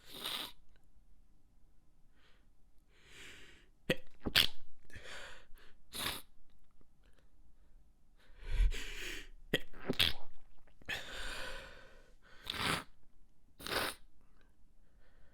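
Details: Person stifling sneezes to avoid being heard from another room: a run of about eight muffled, held-back sneezes with sharp bursts and quiet breaths between, in a small room.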